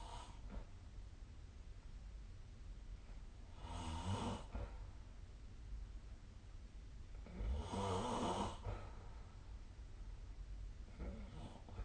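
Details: Slow, rough, rumbling snores during sleep, roughly one every four seconds, over steady background hiss, recorded with the SnoreLab snore-tracking phone app.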